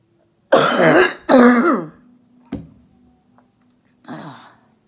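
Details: Adult female orthopedic surgeon recovering at home from COVID-19, clearing phlegm: two strong voiced throat-clearing coughs, a brief catch, then a softer third cough; a productive cough.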